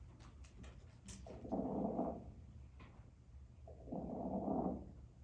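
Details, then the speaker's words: Crackles (rales) in a COPD demonstration: air passing through thick mucus gives a thicker type of bubbling rather than clear bubbling. "so that air is going through that thick mucus so it's a little bit more kind of thicker type of bubbling versus a more clearer type of bubbling all right"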